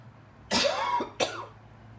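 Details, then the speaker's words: Adult's morning cough, recurring every morning and usually bringing up phlegm: two harsh cough bursts. The person believes it comes from lungs exposed to frequencies. Productive cough. "Because I noticed I started getting that cough in the morning, and usually I'm coughing phlegm."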